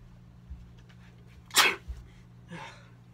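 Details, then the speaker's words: Deliberately imitated ordinary "regular" sneeze: one sharp, hissing sneeze and a softer trailing breath over a steady low hum. "here's just some off the top of my head sneeze number one so you've got just the regular sneeze"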